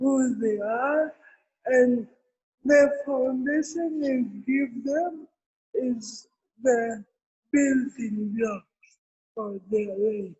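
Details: Adult woman with cerebral palsy present since birth, speaking in an interview; dysarthria (cerebral palsy).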